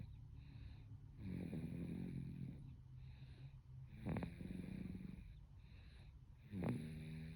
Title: Snoring baby